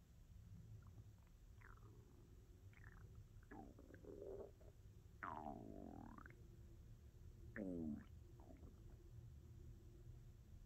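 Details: ASMR recording of a hungry stomach: quiet gurgles, growls and squeaky rumbles over low background noise; normal bowel sounds (borborygmi, stomach growling).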